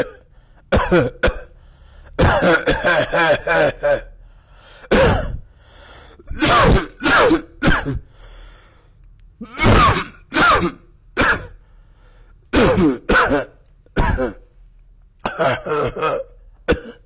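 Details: Repeated deliberate coughs and throat-clearing bursts in short runs, performed rather than from illness, with laughter around them.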